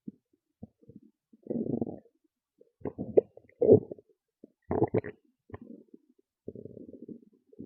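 Irregular bursts of gurgling and rumbling from the stomach, some loud and drawn out; ordinary bowel sounds.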